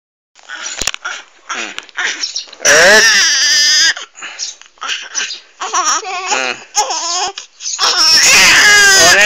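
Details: Infant crying: loud, high-pitched wailing in bursts with breaths between, mixed with fussing; an ordinary infant cry.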